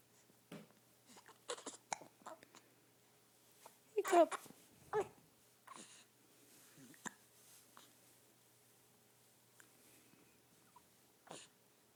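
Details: Hiccups in a baby boy: short, sharp, abrupt bursts recurring at irregular intervals over quiet room noise and adult talk.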